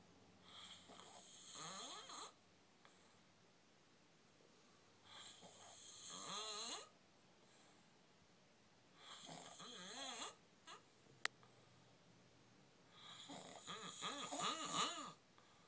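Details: Four long, rising snores, each about 1.5–2 seconds, roughly 4 seconds apart (about 15 breaths a minute), from a sleeper in a quiet hotel room; snoring during sleep.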